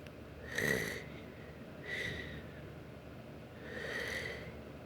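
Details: Two sleepers snoring: three short, hissing nasal snorts roughly every one and a half seconds against steady room noise; light snoring.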